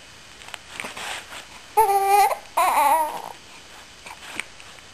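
Two short voiced cries from an infant between soft breathing sounds; brief infant crying.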